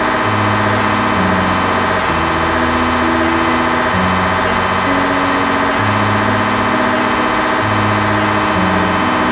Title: MRI machine #mrincredible #shortsvideo #pathology #fullbody